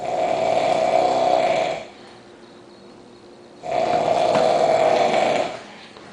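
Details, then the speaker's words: Very loud, buzzing snores nearly two seconds each, separated by quiet pauses, from a man sleeping heavily while very drunk on New Year's, not woken by loud talking; heavy snoring. "yo [ __ ] you sound like a [ __ ] Toyota point8 your mouth nothing's moving man where the [ __ ] that sh coming out exhaust system"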